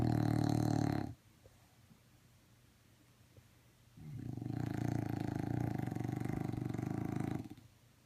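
Loud, rattling snores of several seconds each, separated by quiet pauses. Snoring in a sleeping dog.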